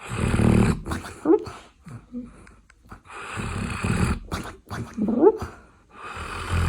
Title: doggie snores